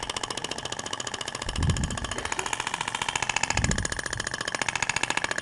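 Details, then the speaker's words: Radial shockwave therapy (Ibramed Thork) applied in zigzag across the abdomen, avoiding rib prominences and the scar, applicator weight resting on skin: rapid, steady mechanical tapping pulses with occasional dull thuds as it moves. "r a propagação da onda você vê que até o tecido vibra né Na hora que você tá aplicando deposita o peso do aplicador no na pele isso eu tô fazendo um zigue-zague no tecido"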